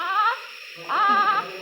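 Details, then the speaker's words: Newborn in a NICU warmer on oxygen with respiratory distress syndrome, breathing fast, makes painful-sounding expiratory grunting sounds. "इसको medically दर्द भरी आवाजों को grunt कहते हैं देखि सुनाई दे रहा"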